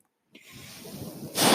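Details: Person's own mechanical ventilator delivering a breath during podcast speech: after a moment of silence, a soft airy hiss builds and grows louder.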